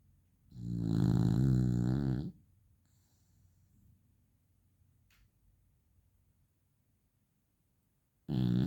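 A single long, low, rattling snore while the dog sleeps, then quiet breathing and the start of another snore.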